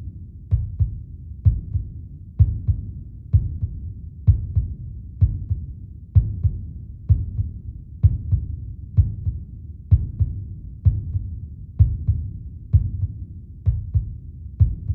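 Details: Steady, regular heartbeat at about 64 beats a minute, with clear paired thumps and a low hum between them; meditation heartbeat recording.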